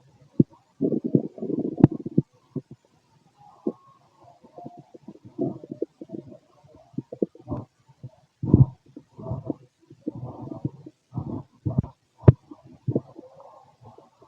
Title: Male stomach noise (6 hrs after eating) #digestiveprocess #stomach #stomachnoises #stomachsounds